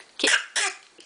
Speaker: where's your baby cough oh my goodness it's so bad oh is that such a sad baby cloth oh my goodness